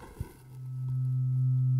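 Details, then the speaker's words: Rinne test demonstration: a tuning fork is struck and heard through a tube standing in for the ear canal, giving a soft tap then a low, steady hum that grows louder; a tuning fork heard through a tube. "it's louder okay that is that I mean I'm just using this as a tube and you've got a great tube right here"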